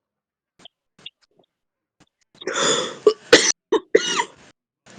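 A long harsh rattling cough followed by several short forceful bursts. Deep, chesty smoker's cough.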